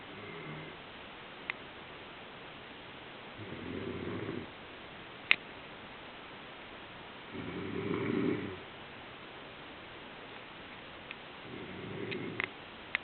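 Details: Sleeping pet with soft, rumbling snores about every four seconds over quiet room hiss, recorded with a camera's built-in audio: snoring.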